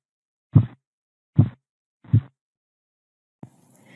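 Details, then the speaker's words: Korotkoff sounds heard by stethoscope over the brachial artery at the elbow crease as the cuff deflates at 2–3 mmHg per second: three soft, low thumps about a second apart. Their reappearance is phase I, marking systolic blood pressure. "esto corresponde a la fase uno de los fenómenos de korotkov y se corresponde con la presión arterial sistólica"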